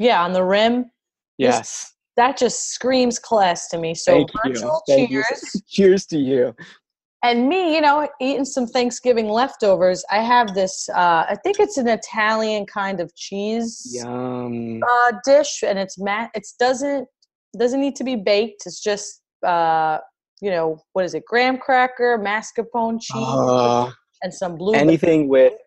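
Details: Adult female speaker(s), casual talk; normal conversational speech.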